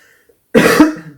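A single short cough from an adult woman after a brief silence in a quiet room.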